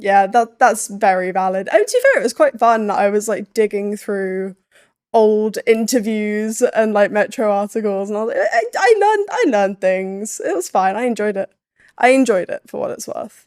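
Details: Adult woman; typical speech.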